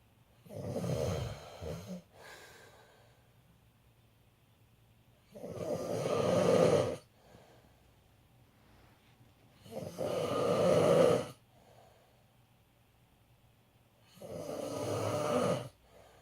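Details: Adult man (dad) snoring: loud, rattling snores on each breath in, about 14 breaths a minute, separated by quiet breathing out.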